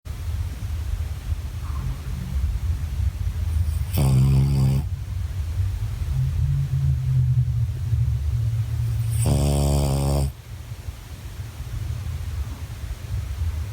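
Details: Tired dog snoring during sleep: deep, steady rumbling breathing with two louder buzzing snores about five seconds apart.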